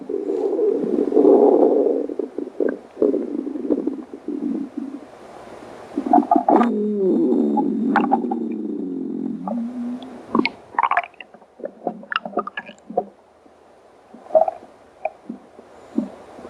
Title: angry stomach growl very hungry